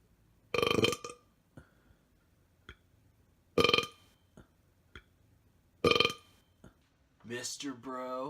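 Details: Three long, loud, deep deliberate belches about three seconds apart, with small clicks between and brief voice at the end; burping montage.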